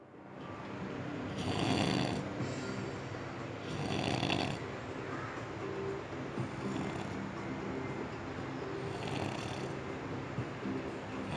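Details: A person sleeping in a hotel bed in the mountains makes soft rasping sounds with each breath, about 25 per minute, against a steady room hum; snoring.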